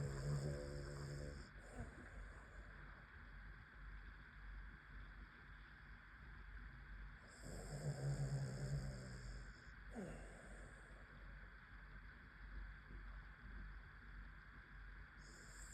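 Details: Dog snoring: soft, low, rumbling snores, about two in fifteen seconds, with quiet breathing between over room hiss.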